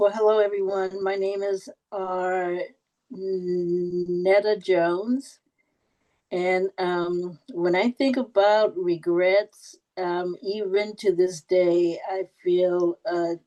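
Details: Adult woman who stutters, with audible repetitions; stuttering.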